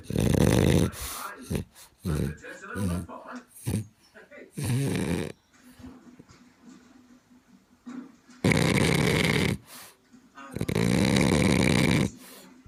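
Loud, rough snorting snores from a flat-faced dog, with quieter breathing sounds between them.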